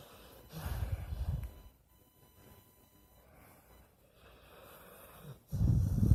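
Low rumbling, snorting breaths during sleep with quiet pauses between them; a sleeping dog snoring.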